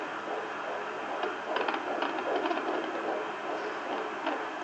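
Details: Fetal heartbeat from a pregnant woman heard on a Doppler probe: a rapid, whooshing, galloping pulse of about 140 a minute, a normal fetal heart rate.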